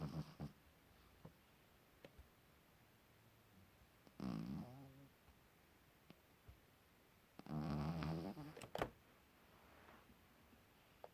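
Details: Pug puppy snoring during sleep: two deep, rumbling nasal snores about three seconds apart, with faint snuffles in a quiet room.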